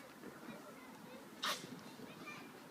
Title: Pig sex/sneezing at white post farm East Midlands England